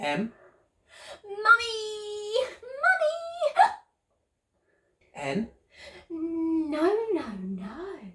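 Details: Vocal tics of Tourette syndrome in a young woman, tics answering letters of the alphabet as they are called out.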